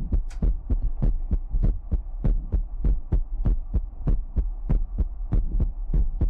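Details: Heartbeat sound in a Chinese ASMR livestream featuring mouth sounds, ear picking and water drops: steady low thumping beats at roughly 98 per minute over a soft hum.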